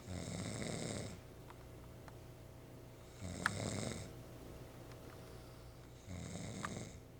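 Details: Loud snoring likened to a motorboat: three loud, rattling snores about every three seconds with quiet exhalations between, during sleep.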